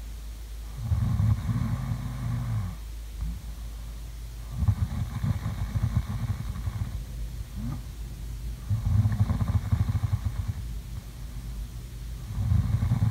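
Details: Sleeping snoring sounds: deep, fluttering, engine-like snores repeating about every four seconds, roughly 15 breaths a minute, with little pause between them; snoring.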